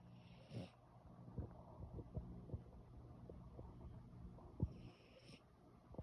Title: snoring.